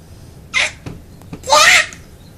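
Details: A child mocks a sneeze: a short breathy intake, then a longer hissing, voiced 'choo' burst. Finding: imitated sneeze.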